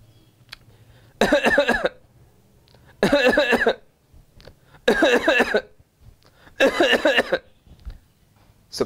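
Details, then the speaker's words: Imitated cough demonstration: short voiced bursts of rapid coughs in three paroxysms separated by pauses, a paroxysmal cough, described as linked to the homeopathic remedy Cuprum metallicum. "in three paroxysms and that's the cuff of Cupra metallicum where you have cuff in three paroxysms"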